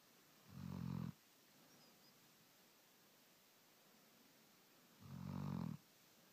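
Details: Snoring.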